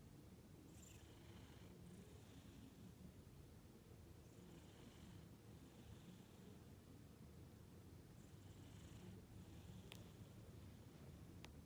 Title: Sleepy Cat Snoring Like a Pro!